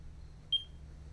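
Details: A single short, high beep from a finger pulse oximeter during a GP exam of a patient with a persistent cough, whose reading showed 90% oxygen saturation, below the expected 93%.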